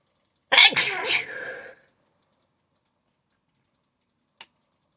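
Two loud sneezes in quick succession, then silence with a faint click; part of a sneezing fit.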